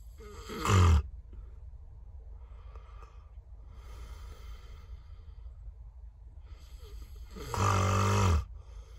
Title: Rambo Donkey snore